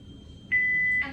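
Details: A single steady electronic beep of about half a second from a Philips HeartStart defibrillator prompting the next step of its operational check, during a training demonstration.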